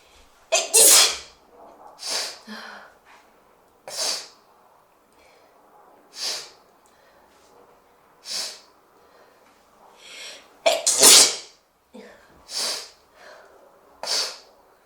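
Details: Adult sneezing repeatedly: sharp bursts with quick intakes of breath between them.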